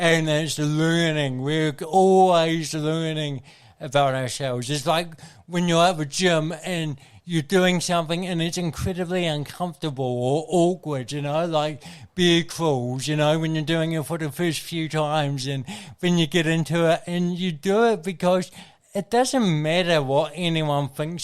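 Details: Adult man with cerebral palsy from birth, caused by oxygen loss to the brain during delivery (a brain injury); he says his thinking and articulation are intact; mild dysarthria (cerebral palsy).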